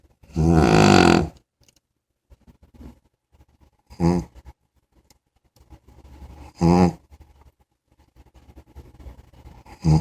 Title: snoring big_puppy